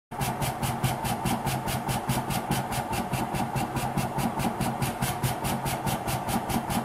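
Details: PEGASO mechanical cough assist device running in percussion therapy mode: a steady mechanical hum with rapid regular pulsing at about 140 beats a minute.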